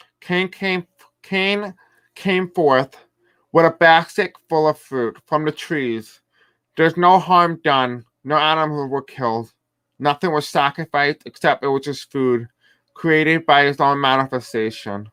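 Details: Deaf man who reports a deaf accent and difficulty pronouncing certain words; deaf speech (deaf accent).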